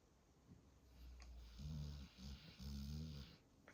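Deep, rattling snores from a sleeping dog, two loud drawn-out breaths in a few seconds, in a small quiet room.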